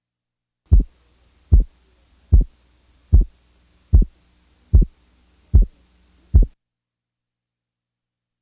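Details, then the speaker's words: Teaching recording: physiologic split second heart sound with a 50-millisecond splitting interval, heard best at the left base with the diaphragm chest piece. "now listen to a second sound splitting interval of 50"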